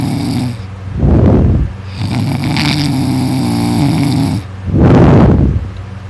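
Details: Student asleep, exhausted after staying up late studying, snoring loudly all night (throat sore afterward): loud, rough, low snores on in-breaths, two heavy snores about four seconds apart with steady breathing noise between.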